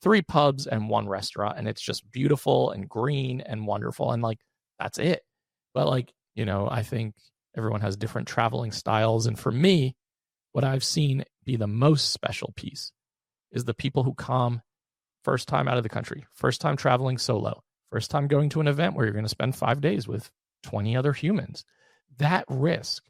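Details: Adult male with unilateral vocal fold paralysis after open throat surgery for a rare chronic recurring throat condition (endoscopic surgery 2021, recurred within 4 months); voice improved but still has vocal fry and gives out for the day once tired.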